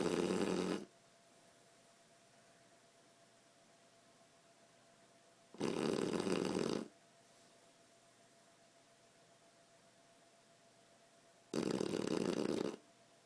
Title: 8 month shar pei sleeping/snoring and moving paw!